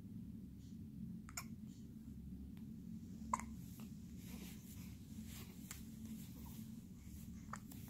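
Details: Several brief, sharp hiccup catches over steady low room noise from a one-month-old infant boy during a brief hiccup episode; infant hiccups.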